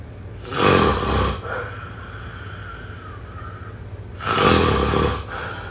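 Two loud, rough snores about four seconds apart, each with a fluttering breath on the way in, then quieter breathing. Ordinary snoring.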